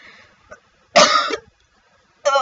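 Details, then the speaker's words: Simulated, acted single cough in a comedy skit: one harsh, forceful cough burst followed by the start of a voiced sound. "Okay, and then they told me if I cough my head gets really big."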